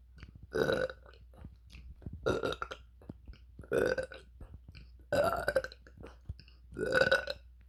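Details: Five short, evenly spaced voiced belches in a quiet room; repeated deliberate burping.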